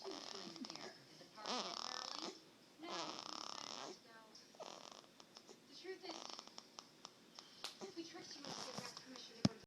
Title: Snoring baby